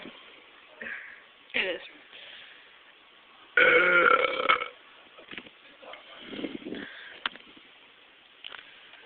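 A loud, drawn-out belch lasting about a second stands out among quieter mouth sounds and brief noises: burping.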